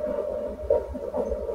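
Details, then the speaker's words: Fetal heartbeat from a fetal Doppler at a clinic check at 36 weeks in a high-risk pregnancy with a history of caesarean section: rapid, regular whooshing pulses at 138 beats a minute, a normal fetal heart rate. "138 today so good is that normal It's pretty normal Yeah So okay naman po Iyung heartbeat ni baby laging normal so Lagi pong Healthy si baby"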